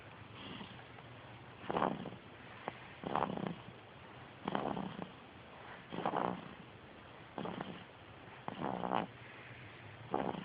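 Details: Person snoring: repeated rattly, snorting breath sounds about every one and a half seconds, roughly 40 a minute, over steady low room noise.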